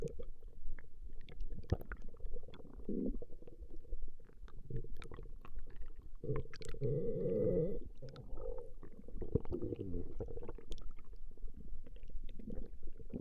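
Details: Recording of a woman's stomach growling: low gurgling, rumbling bowel sounds that come and go, with a louder gurgle midway; ordinary borborygmi.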